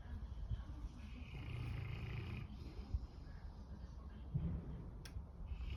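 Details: Dog snoring during sound sleep: low, rumbling breathing noises with a harsh, rattly quality on each breath.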